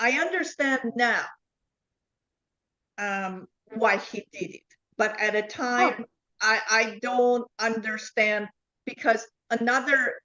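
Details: Adult woman with foreign accent syndrome since 2010.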